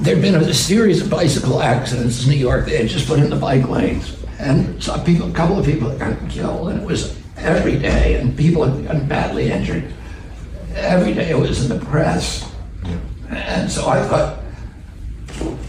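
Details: Adult man in a real interview clip telling a story; he attributes his voice to spasmodic dysphonia, a vocal condition he says he has.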